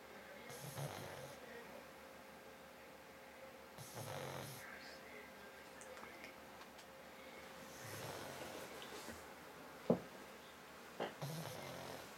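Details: Pug snoring very loudly, possibly nearly awake: soft, wheezy, snorting snores about every 4 seconds in a quiet room, with a couple of snorts.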